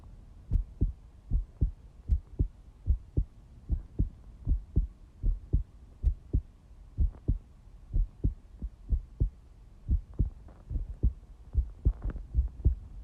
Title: Quick heartbeat recording